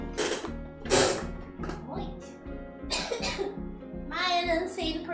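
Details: Livestreamer sick with the flu coughing a few times between talking, with background music playing; cough during flu illness.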